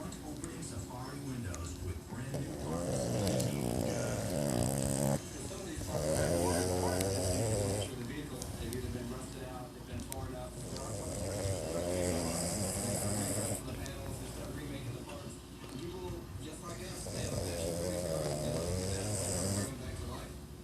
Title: Dog snoring vine